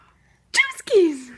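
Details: After a moment of quiet, a baby gives a brief, sharp sneeze, followed at once by a falling, voiced squeal or giggle: a normal infant sneeze.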